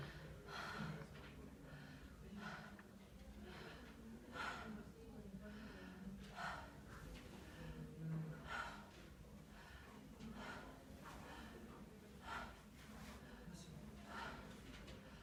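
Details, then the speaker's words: Lung auscultation of a female patient breathing on request, anterior chest at the first intercostal space midclavicular line and the fifth–sixth intercostal space axillary line: soft, even breath sounds without wheeze or crackles, normal. "Aquí se puede escuchar que los ruidos pulmonares se encuentran normales."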